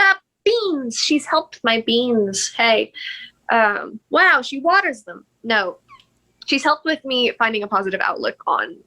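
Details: Woman with Tourette syndrome with vocal tics, including a word tic picked up from other creators; finding: Tourette syndrome vocal tics.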